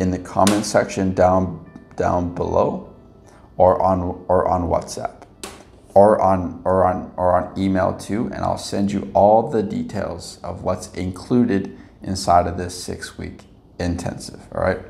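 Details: Adult man who has stuttered much of his life, previously with blocks, and still stutters occasionally with mild repetitions and prolongations; stuttering.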